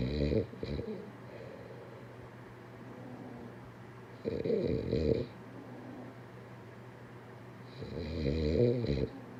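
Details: Low rattling snores recurring about every four seconds, roughly fifteen a minute, over steady room hum; ordinary snoring.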